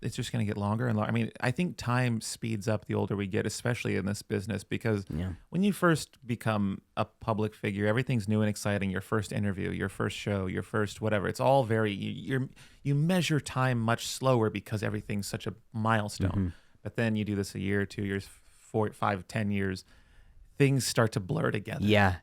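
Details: Adult male speaker; ordinary speech.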